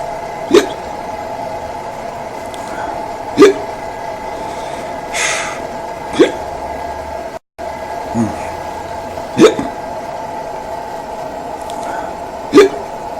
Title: THE HICCUPS